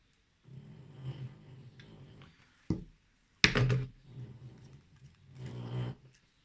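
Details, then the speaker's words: Low, rumbling snores from a sleeping dog the owner calls their baby, with sharp tapping and rustling craft noises in between: snoring. "entendez mon bébé ronfler?"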